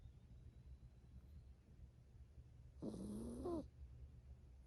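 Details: A 7-year-old toy poodle sleeps peacefully on a lap and snores: one low, rasping snoring breath ending in a brief squeak, over a steady background hum with faint birdsong outside.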